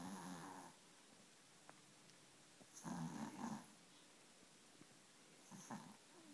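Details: A sleeping dog snoring: soft, rattling snores, each drawn-out breath several seconds apart, in a quiet room.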